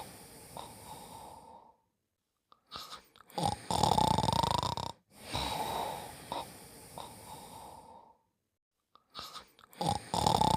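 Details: Noisy breathing during sleep: slow sleep breathing with harsh, snoring breaths and a whistling, wheezy tone on several breaths.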